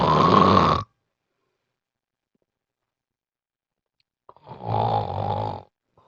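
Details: Severe obstructive sleep apnea: two loud, rough snores separated by a silent pause of several seconds; extremely loud snoring that disturbs family members.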